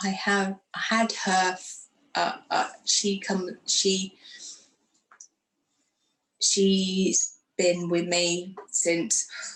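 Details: Woman who had a stroke after surgery in 2018, aged 44, lost her speech, and now lives with post-stroke aphasia.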